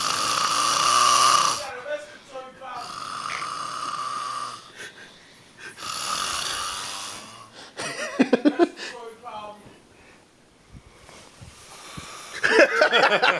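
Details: A man asleep on a couch snores heavily. Loud, rough, rattling snores come on long breaths, with fluttering snorts between them.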